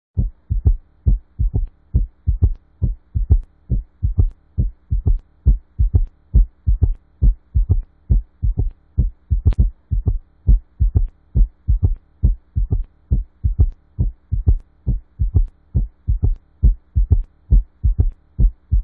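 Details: Teaching example of an S3 gallop for auscultation practice: regular low heartbeats near 68 a minute with an extra soft third sound, giving a galloping rhythm.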